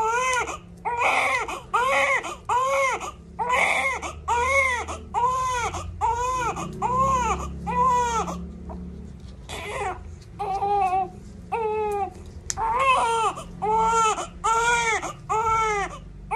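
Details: Loud, rhythmic newborn crying in repeated bursts, about 70 cries a minute with brief pauses for breath; a vigorous newborn cry in response to the heel-prick for expanded newborn screening.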